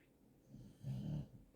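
A low, rumbling, slightly buzzy snore from a sleeping dog, with a faint lead-in breath. Snoring.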